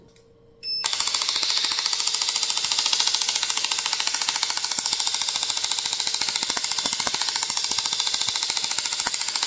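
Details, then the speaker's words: Self-treatment with a personal radial shockwave device on the gelled wrist for chronic tendinitis or myofascial strain: rapid, regular sharp clicking pulses, about two per second, over a steady hiss as the device fires. "Here's how to use the personal shockwave device to treat tendinitis, chronic tendinitis or myofascial strain affecting the wrist tendons."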